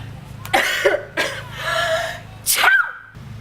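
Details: Acted, simulated sneezing: several sharp, explosive bursts of air with a vocal 'achoo' quality over a low background hum.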